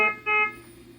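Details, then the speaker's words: Puritan Bennett 980 ventilator during setup demonstration, just connected to patient with unaddressed alerts, sounding two bright multi-toned electronic alarm tones before being silenced; ventilator alarm. "first thing we're going to do is Daniel's going to shut up the ventilator so you can hear me."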